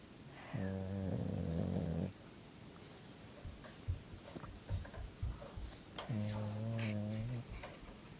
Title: Dog snoring #2